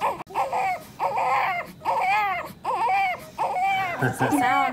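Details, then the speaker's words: Newborn baby boy, born slightly early, described as a little wet with some fluid still in his lungs; an echo was mentioned (possible muscular VSD): repeated rhythmic crying bursts with a clear, strong voice, a normal newborn cry. "Yeah, he's a little bit wet, yeah. Mm-hmm. Yeah. So, a little bit fluid in his lungs still there."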